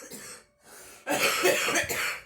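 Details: A brief breath, then a harsh, rough burst of coughing lasting about a second from a girl smoking, with light room noise; cough.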